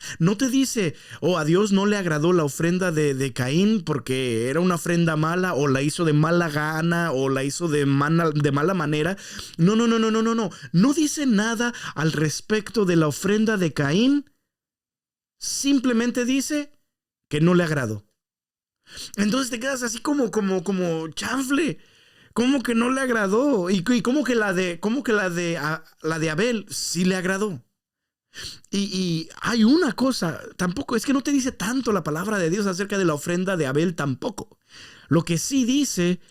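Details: Adult male podcast host, Spanish speaker, with stuttering that he says worsens after breaks from podcasting; stuttering.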